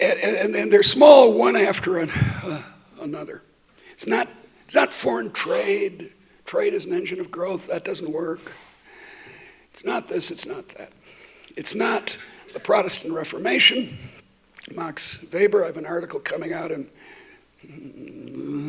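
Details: Adult woman who states she stutters, speaking while she has a terrible cold; repetitions heard; stuttering.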